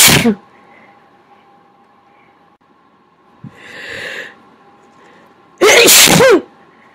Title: even more big sneezes and a ton of talking